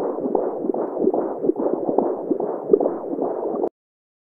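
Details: Simulated fetal heartbeat on Doppler ultrasound: fast galloping whooshing pulses at about 150 a minute; a sound-effect recording, not a real patient.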